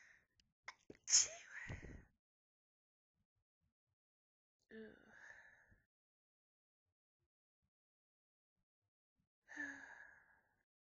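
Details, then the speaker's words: Persistent nose tickle causing repeated build-ups: a sharp, forceful sneeze after a short breath-in, then two quieter breathy exhalations with pauses. "Oh god. These sneezes feel so good, but it tickles so much."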